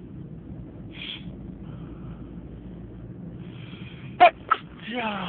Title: New sneezes